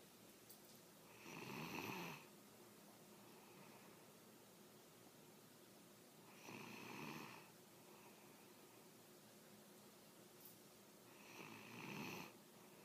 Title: Snoring frenchie